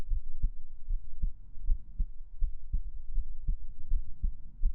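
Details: Heartbeat sounds recorded for ASMR: steady, soft low thumps in a regular rhythm at about 70 beats a minute; normal heartbeat.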